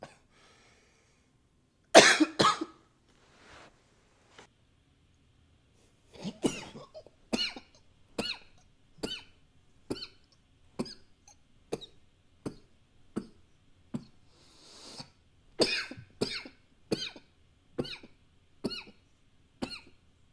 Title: 11 - coughing with a new microphone, some nose blowing sometimes